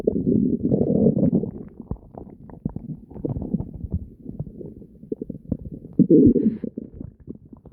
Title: Constant gurgling and deep growls [Stomach noises]